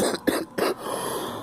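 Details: Young girl gives two short, sharp cough bursts; cough.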